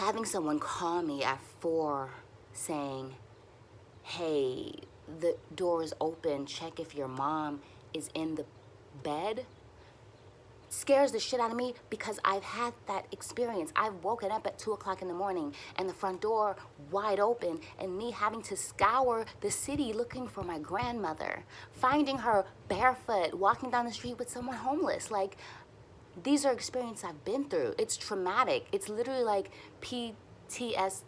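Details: Adult woman who stutters and uses speech techniques for near-fluency, speaking while frustrated and tense, which she says makes her stutters a little longer — stuttering.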